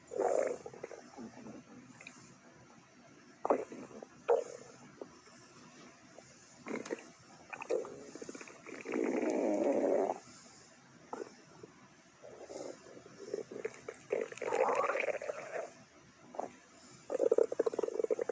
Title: Angry Juice Stomach Growling